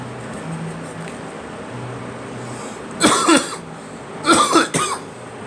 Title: Me coughing